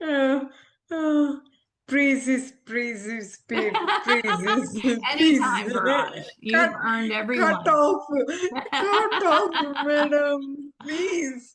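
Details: Adult woman, an ophthalmologist, with aphasia after a stroke around delivering twins 7 years ago; she is recovering her speech with speech-language therapy and communication still hinders her; aphasia after stroke.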